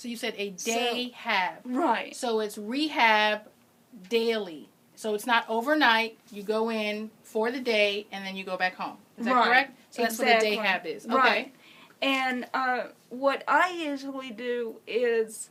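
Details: Adult woman speaking; typical speech.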